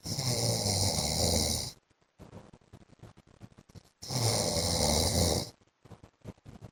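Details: Adult man (husband) snoring in sleep: two long, loud, harsh snores about four seconds apart, with soft crackly breath noise between them; heavy snoring.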